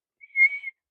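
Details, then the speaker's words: Instructor's imitation of wheezing while teaching anaphylaxis and asthma: a brief high-pitched whistling exhale. The instructor notes it is not really what true wheezing sounds like. "I breathe in. So, I can't do it. That's not really what it sounds like, but it's very high pitch like that. So, an asthma attack. That's wheezing."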